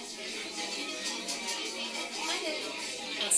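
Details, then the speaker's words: Hearing aid output in a busy restaurant with no speech-in-noise features active, set to omnidirectional mode so sounds from all directions get equal priority: amplified restaurant babble with buried ordering conversation. "The hearing aids are amplifying the incoming sound to improve clarity and volume for this person's hearing loss. But the hearing aids are set in omnidirectional mode, giving equal priority to sounds coming from all directions."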